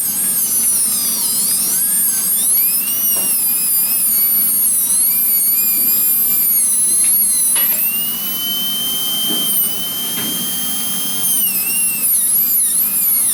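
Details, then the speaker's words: High-pitched dental handpiece whine rising and falling, with a short pause midway, opening the embrasures of a provisional crown and trimming close to the visible finish line without nicking it. "I'm going to open up the gindel EMB brazers here a little bit and you look if you look this very carefully I can see my finish line that I produced here so I'm going to try to uh get my burst close to that without uh micking it"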